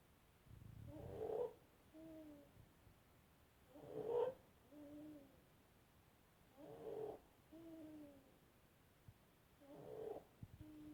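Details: Inspiratory stridor from laryngomalacia in a 7-month-old infant: noisy, fluttering, high-pitched breathing on each breath.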